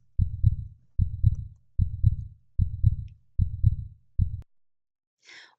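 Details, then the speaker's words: Regular paired lub-dub heart sounds at about 75 beats a minute, from atrioventricular then semilunar valve closure: normal heart sounds. "the closing of the atrioventricular valves correspond with the contractions of the ventricles the second part of the loved-up heartbeat sound is made by the closing of the semilunar valves in response to the relaxation of the ventricles"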